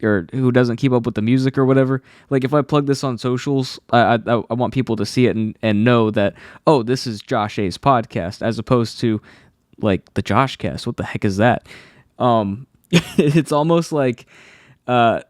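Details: Adult male who has stuttered since childhood; a specialist's help was temporary, and he says anxiety makes it worse; stutters are left unedited in this recording; stuttering.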